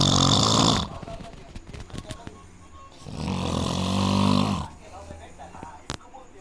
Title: funny snoring